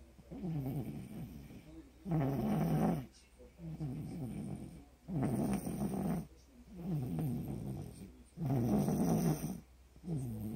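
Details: Loud, rattling snores with quieter in-between breaths, about 19 a minute, during sleep.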